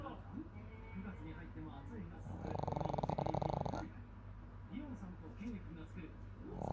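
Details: A pet dog sleeping contentedly gives one buzzing, fluttering snore lasting about a second, with faint talk and room noise around it.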